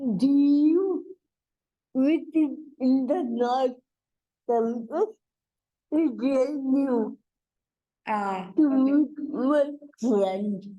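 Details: Adult woman and mother with cerebral palsy: dysarthria (cerebral palsy).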